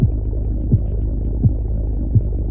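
Regular low heart thumps, about 85 a minute, over a steady low hum; normal heart sounds.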